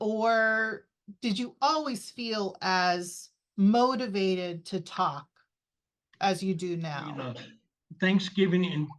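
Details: Adult speaker (interviewer); typical speech.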